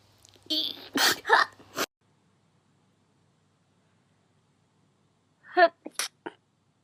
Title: Cute Japaneze girls sneezing くしゃみ58